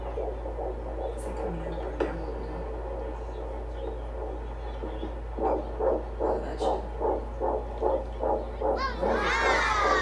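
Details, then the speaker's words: Fetal heartbeat on Doppler during pregnancy, reported at about 150 beats per minute: rhythmic whooshing pulses. "bueno amigos oímos del persona el bebé dijo la señora dijo cien cuanto cincuenta con la velocidad el latido latidos por minuto"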